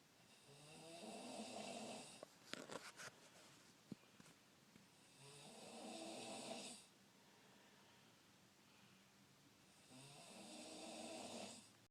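Soft, rasping snores in a slow rhythm, about three breaths in twelve seconds, with faint room sounds between them.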